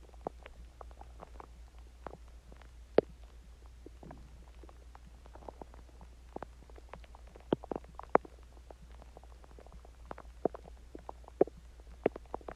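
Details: Scattered soft gurgles and pops over a low steady hum: stomach growling, normal digestive bowel sounds, after eating Chinese food and drinking water.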